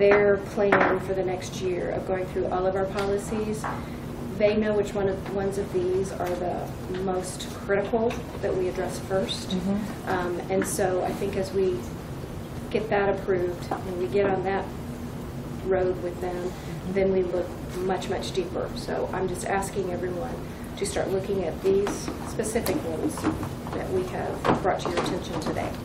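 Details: Adult woman speaking; Normal speech.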